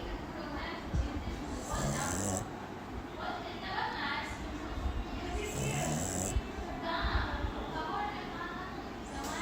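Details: Sleeping Shih Tzu dog snoring: low, rattling snores repeating every few seconds under steady background noise and faint music.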